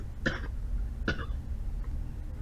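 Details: Cough audio sample used in a cough-detection project (MFCC features with an SVM classifier): two short, sharp, dry-sounding coughs about a second apart over a low background hum.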